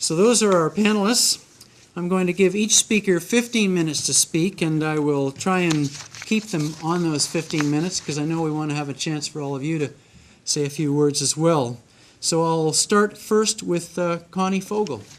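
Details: Adult speaker; normal voice.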